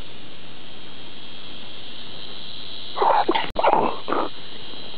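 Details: Deliberate stifled-sneeze demonstration: after a quiet pause, a short cluster of muffled, held-back sneeze bursts with no full 'achoo' release, against steady background hiss.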